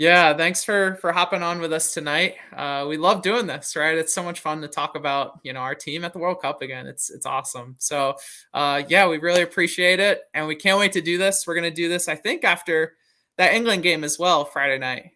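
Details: Adult male speaker; normal speech.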